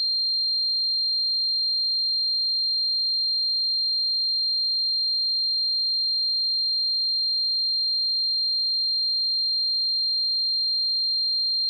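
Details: Simulated tinnitus sound effect: a steady, unchanging high-pitched tone throughout, imitating the ringing in the ears heard in tinnitus.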